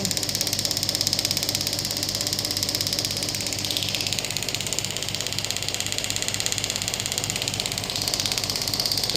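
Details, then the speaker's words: Biotronix pneumatic radial ESWT shockwave applicator demonstrated firing (range up to 12 bar): fast, steady pneumatic clatter of repeated pulses over a hissing, buzzing background. "ये 12 बार तक यहां पे अभी मैं इसको आपको चला के दिखाऊंगा। बट 12 बार पे काफी ज्यादा इंटेंसिटी है एक छोटे टिश्यू एरिया के लिए।"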